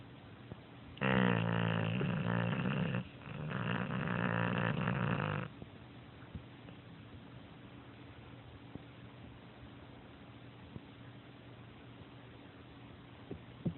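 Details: Snoring: two loud, deep, fluttering snores of about two seconds each, then quiet breathing with a low steady hum behind it.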